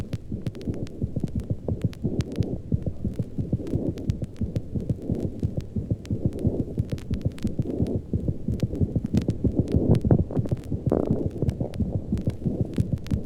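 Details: 1955 medical recording: very fast, even heart sounds, about 180 a minute, machine-gun-like with first and second sounds indistinguishable; tachycardia with embryocardia due to disease.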